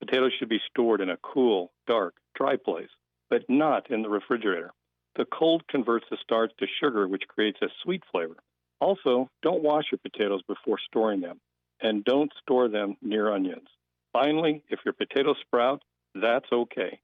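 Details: Adult male speaker, radio broadcast; ordinary speech.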